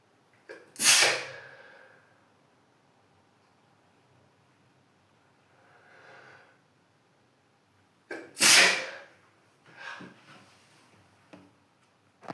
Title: Morning sneezing on the toilet